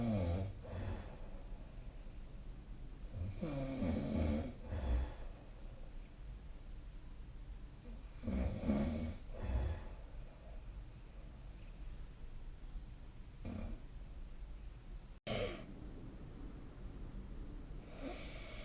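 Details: Sleep snoring: slow, rough rattling inspiratory snores, about 13 a minute, with quiet gaps and faint room noise.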